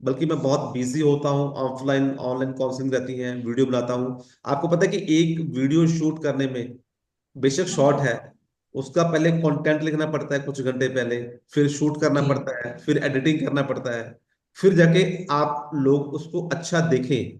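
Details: Adult male speaker; fluent speech.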